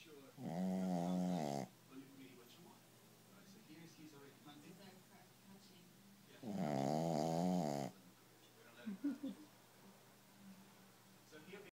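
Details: Shih Tzu dog asleep after a long walk in the park: two long, rattling, droning snores several seconds apart over quiet room noise. Snoring.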